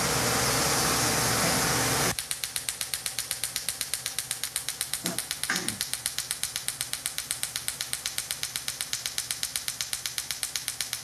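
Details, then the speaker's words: Sciton erbium laser pulsing during a cosmetic skin-tightening and resurfacing treatment under IV sedation near the upper eyelid, following CO2 laser work: a loud rushing noise stops, then sharp regular clicks at about four pulses a second. "as the laser pulse so this laser here is the best skin tightening laser or device in the market period"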